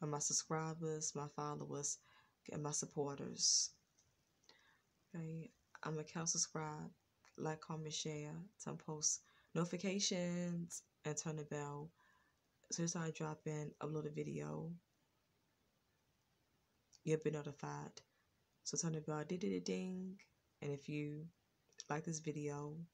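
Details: Adult woman with a lifelong stutter, worse in the past and now more controlled; stuttering.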